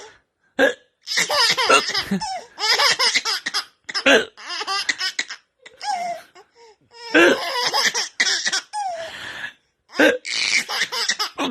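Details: Adult father hiccupping: repeated sharp hiccup gulps mixed with loud, bursting laughter from a baby reacting to them.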